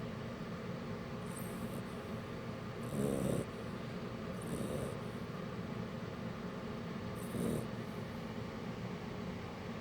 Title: Shar pei puppy - Mushu's cute snore part 2